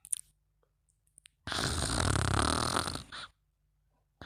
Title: Mimi Yawning and Snoring